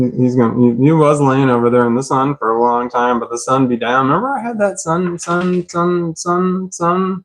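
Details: Stuttering (stammering) in an adult man with a self-described stammer, including on the word 'stammer'; autism and CPTSD are listed.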